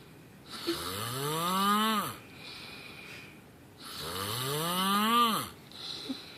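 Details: Two loud, rising and falling buzzing snores on the in-breath, each about one and a half seconds, with quiet breathing between; loud snoring, said to warrant seeing a doctor.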